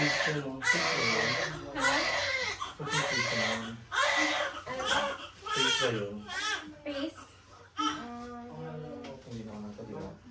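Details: Repeated crying bursts from a newborn just after a normal vaginal birth, mixed with adult voices and room noise; normal newborn cry.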